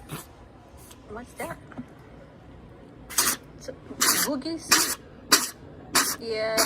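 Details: Cat sneezing multiple times, with nasal discharge ("boogies") blocking his nostrils. The owner suspects allergies and has previously given him allergy medicine.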